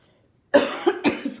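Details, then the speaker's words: Adult with post-nasal drip gives a quick run of three or four harsh, throaty coughs after a moment of quiet: a brief coughing bout. "me I still have a post nasal drip so y'all excuse my voice and if I coughed"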